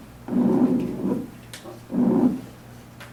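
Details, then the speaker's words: A simulated wheeze played in a heart and lungs lab, heard with a stethoscope placed on a particular chest spot: two breaths with a low, musical whistling tone over room hum, to be treated with a bronchodilator; wheeze. "so how could you treat treat this patient with the wheezes bronchodilator yeah bronchodilator exactly"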